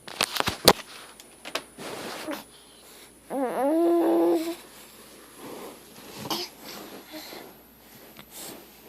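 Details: Cat with the same coughing/choking fits for 3 months: short hacking, gagging bursts with one drawn-out wheezy, whistling breath mid-fit.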